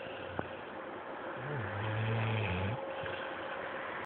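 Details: Snoring after a day at day care: a low, droning snore lasting over a second, rising and falling, over steady room hum.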